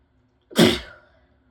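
One abrupt, forceful sneeze with a wet, spraying burst that fades quickly in a quiet room.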